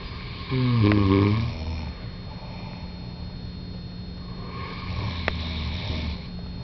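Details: Two people snoring together: two deep, rattling snores on inhalation a few seconds apart, with steady room hum.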